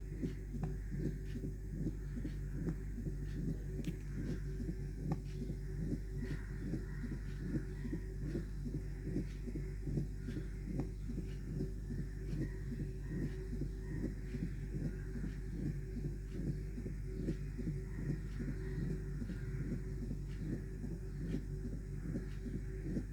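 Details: Mitral stenosis: regular heart sounds near 74 a minute with a low-pitched rumbling mid-diastolic murmur between beats.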